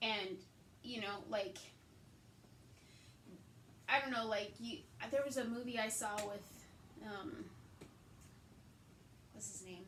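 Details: Woman with aphasia after a hemorrhagic stroke in May 2020 treated with brain surgery, also with right-sided hemiparesis and reading and writing difficulty; aphasia.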